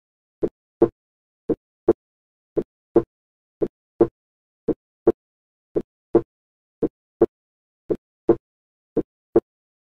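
A steady, regular lub-dub at about 56 beats a minute, with two crisp, distinct sounds per beat and silent pauses between them. These are normal first and second heart sounds heard at another listening area, with no murmur or extra sounds.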